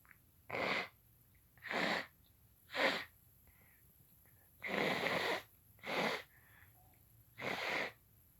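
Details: Person in bed: six sharp, hissing bursts in about eight seconds, repeated sneezing and nose blowing.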